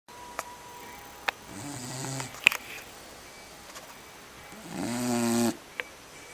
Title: Blast snoring.mp4